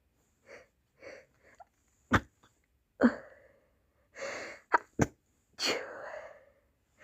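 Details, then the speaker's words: Several quick in-breaths, then three or four sharp explosive sneezes triggered by dust in a quiet room, each with a short gasping lead-in; sneezing. "hi guys today I got some dust sneezes for you so let's"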